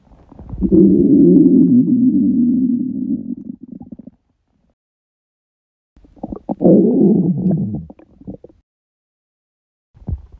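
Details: Stomach rumbling after a 48-hour fast: long, loud, low gurgling rumbles in two main bursts; ordinary bowel sounds of an empty gut, borborygmi.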